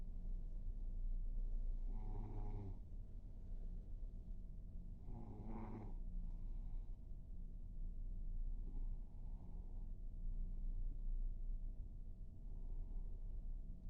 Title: I Snore You Snore WHAT's The Problem